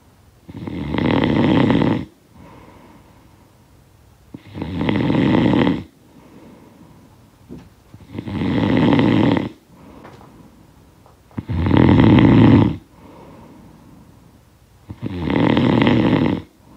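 Five loud, rattling inhaled snores with quiet exhalations between, about 18 a minute; steady rhythmic snoring.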